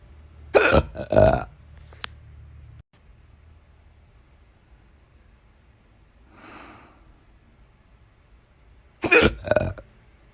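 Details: Two pairs of short, loud burp-like throat sounds with quiet between, jerky hiccup catches combined with belching, in a person with painful episodes recurring about once a week; hiccup burps.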